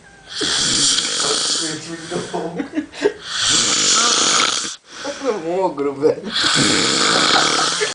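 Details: Person snoring heavily while asleep during carnival 2007: loud, harsh snores with hissing and whistling between them, about 20 breaths a minute.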